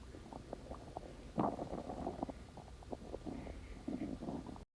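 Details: Low, wavering gurgles and bubbling rumbles over faint background hiss; ordinary stomach growling (borborygmi) from moving gut contents.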